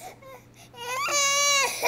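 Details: Infant fussing shortly after eating oatmeal, with short whimpers building into a sustained, high, wailing cry; a parent suspects the cry is somewhat fake; ordinary fussing cry.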